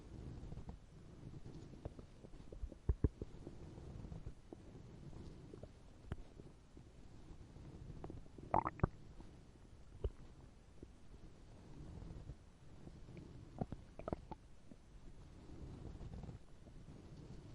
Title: POV: Bumblebee comforts you, forgot to eat today and makes you listen to his stomach growling